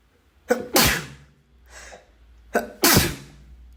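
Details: Two sneezes in a row, each a quick catch of breath and then a loud explosive burst.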